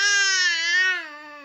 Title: baby crying